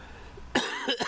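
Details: Cough from an adult parent recovering from walking pneumonia, still coughing up phlegm and hoarse, not back to full health.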